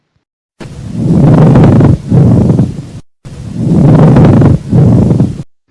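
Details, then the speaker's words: Pleural friction rub: superficial, loud, harsh, creaking, grating sounds on both inspiration and expiration, heard over the zones of maximal expansion (anteroinferior and lateral chest). "Roce pleural. Sonidos superficiales, crujientes y ásperos. Se escuchan en la inspiración como en la aspiración."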